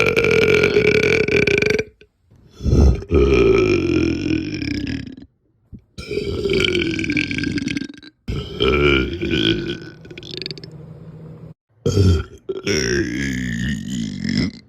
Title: Burping right in your Face :3